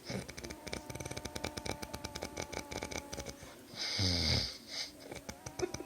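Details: Adult man's heavy sleep snoring, likened to a chainsaw, recorded on an Android phone: loud, harsh, fluttering snore with rapid rattling buzz and a rasping snort partway through.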